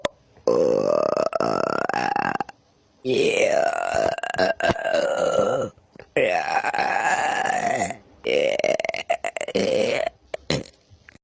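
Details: Burping compilation: four long, loud, drawn-out belches with a tonal, voiced quality, separated by short silences.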